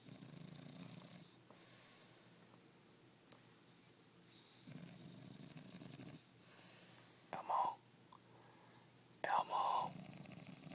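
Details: Simulated snoring acted by the Elmo puppet character: soft, quiet rumbling snores with whispery breaths and a few faint clicks.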